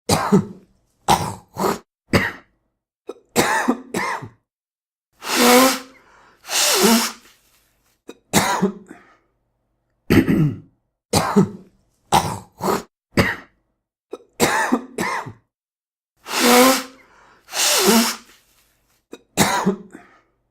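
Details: Simulated, acted adult cough and throat clearing: repeated short coughs, throat clearing and two longer hissing nose blows.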